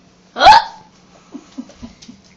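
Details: Pretended hiccups, imitating another person's hiccups: one loud, abrupt hiccup followed by soft short voiced sounds in a quiet room; simulated hiccup.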